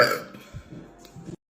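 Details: A single deep, drawn-out voiced belch lasting just over a second, from a woman who holds her burps in so she can record them; an ordinary burp.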